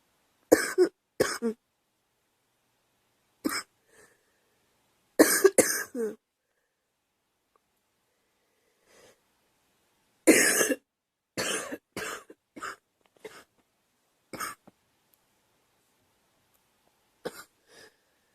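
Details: Girl coughing: repeated short coughs, mostly in pairs and small clusters with quiet gaps, about fifteen coughs overall.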